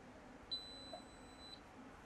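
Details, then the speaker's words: A single steady, high-pitched electronic beep lasting about one second over quiet room hiss: the power-on tone of a Devilbiss iGo2 portable oxygen concentrator, heard after inserting the battery and pressing the power button. "หลังจากใส่แบตเตอรี่เสร็จแล้วนะคะก็ให้ทำการกดปุ่มเปิดเครื่องได้เลยค่ะ"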